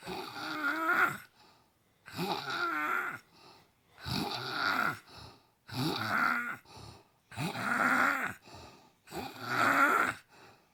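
Loud rattling snores on each breath in, about six over ten seconds, with quieter breaths out between them. Ordinary snoring.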